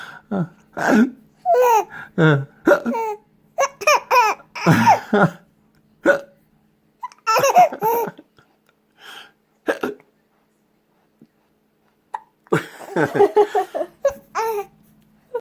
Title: hiccups